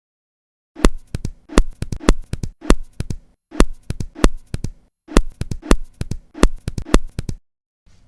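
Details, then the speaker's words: Simulated heart auscultation: atrial fibrillation with irregular grouped beats plus a snapping three-part quail rhythm, a sure sign of mitral stenosis. "кроме мерцательной аритмии здесь ещё и ритм перепела верный признак митрального стеноза послушаем ещё раз этот фрагмент с ритмом перепела и мерцательной аритмии"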